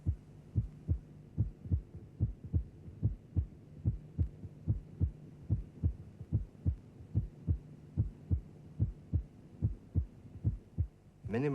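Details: Simulated heart sounds at about 73 a minute, from a cardiac auscultation teaching programme: the second sound splits more widely at the end of inspiration. Physiological splitting of the second heart sound.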